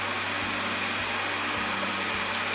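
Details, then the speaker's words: Home VARON VH2-PRO oxygen concentrator used by a patient with lupus and shortness of breath, set at 2 L/min (1–2 L/min gives up to 93% oxygen): steady machine hum and hiss with soft rhythmic pulses about every half second. "So at 1 to 2 liters per minute, it can produce up to 93% concentrated oxygen."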